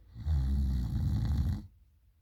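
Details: Loud night snoring, #snoringgirl: a single loud, low, rattling inspiratory snore lasting under two seconds, then quiet.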